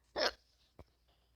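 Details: A sharp, abrupt hiccup followed by a fainter second one: involuntary hiccups from a player who says they have hiccups while playing Minecraft.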